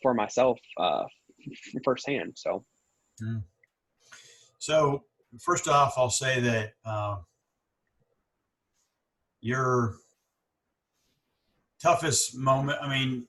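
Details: Person who stutters, with pauses and word repetitions; stuttering.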